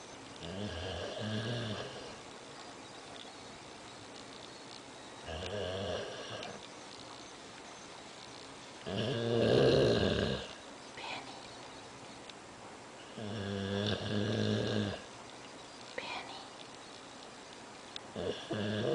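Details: A dog snoring while asleep and having a bad dream: four slow, rough, rumbling snores several seconds apart, about 14 a minute, in a quiet room.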